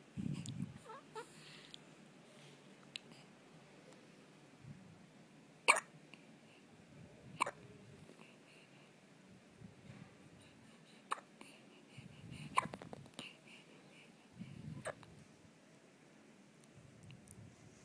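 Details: Baby hiccups: repeated small, sharp infant hiccups at irregular intervals, about nine a minute, with soft breathing and rustling between them.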